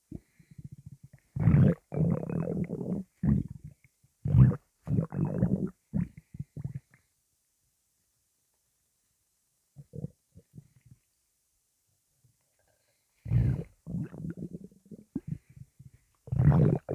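Deep, gurgling growls come in bursts, with long quiet gaps between them: loud stomach rumbling, which is ordinary bowel gas moving.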